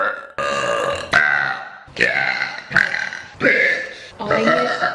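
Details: Ordinary belching: about six loud, drawn-out burps in quick succession, each a deep throaty rasp.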